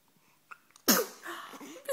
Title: Charlie sneezes, yawns